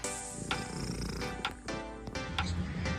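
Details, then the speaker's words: Domestic cat purring: low, steady rumbling purr partly covered by background music; purring expresses comfort and feeling safe in its surroundings and is harmless. "kalian melihat kucing kalian itu mendengkur jangan takut kucing mendengkur itu untuk mengekspresikan rasanyaman mereka terhadap lingkungan sekitar"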